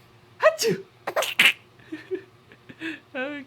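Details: Baby: a single sharp sneeze with a quick in-breath and an explosive burst, followed by brief vocal sounds and a short exclamation; sneezing.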